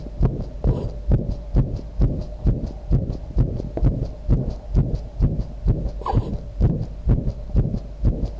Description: visible heartbeat and sound.